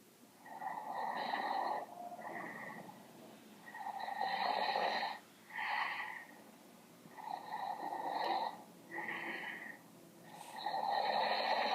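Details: Loud, harsh, snorting snores on in- and out-breaths, about 18 a minute, over steady room hiss; loud snoring.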